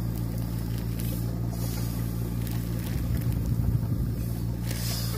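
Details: Home-use 7 L portable oxygen concentrator running: a steady low motor hum with a faint pulsing rhythm, its normal operating sound.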